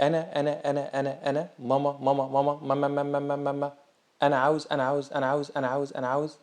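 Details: Imitated childhood stuttering, sudden onset in a child who had been speaking well; repetition of sounds, words or whole phrases until speech comes out, as in repeated words and repeated phrases; typical of ages 2 to 5.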